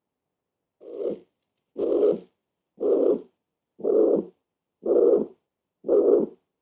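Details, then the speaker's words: Loud systolic murmur of mitral regurgitation (insufficiency), heard at the fifth intercostal space in the left midclavicular line (mitral area). "la válvula mitral y entonces que descubrí de la válvula mitral y entonces que creen que sea una insuficiencia o un 11 una insuficiencia muy bien este es un gran soplo"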